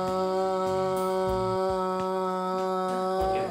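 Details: Patient after medialization thyroplasty with a prosthesis reconstructing the missing left vocal fold so the right fold can meet it, with normalized phonation duration and loudness, sustaining a strong, long vowel; sustained phonation after medialization thyroplasty.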